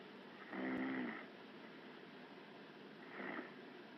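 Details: Woman asleep in pajamas: loud, smooth rattling snores on each in-breath, about every two and a half seconds, over steady background hiss; snoring.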